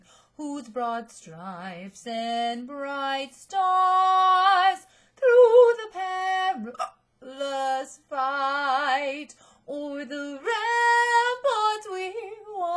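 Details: Woman singing the US national anthem for an audition after getting hiccups but continuing: abrupt gulping catches and pitch jumps repeatedly break her solo singing.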